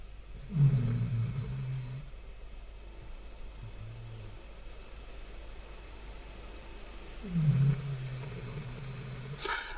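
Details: Snoring heard in the background from a sleeping animal taking a snooze during a voice-over: two loud, low, rumbling snores about seven seconds apart with a softer breath between, over quiet room noise.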